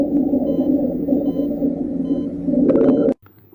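Continuous low-pitched, snoring, rumbling breath sounds: rhonchi, pointing to secretions in the larger airways.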